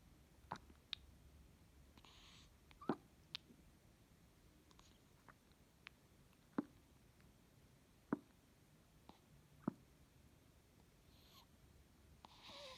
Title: 3 day old newborn sleep burping